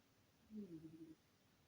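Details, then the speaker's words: A sleeping pet cat gives a single soft, low, rumbling snore, faint against quiet room noise. "J'ai mon chat qui ronfle, je ne sais pas si vous l'entendez, mais..."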